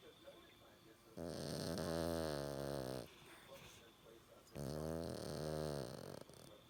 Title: Winnie pooper snoring